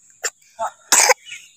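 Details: Young child sick with a cough, being carried by a parent and refusing to be put down: two short throaty sounds, then one harsh cough burst.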